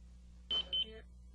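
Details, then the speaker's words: ECG lead-off alert on an M-Series monitor/defibrillator during an in-service demonstration, with the patient cable plugged in and a lead selected: two short high-pitched beeps signalling a disconnected electrode or lead wire. "if the ecg lead off message appears inspect the ecg electrodes lead wires and connections"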